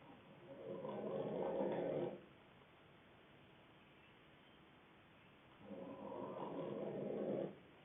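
Two long, rough, rattling breaths about five seconds apart, fitting snoring, with quiet pauses between them; the recording sounds muffled.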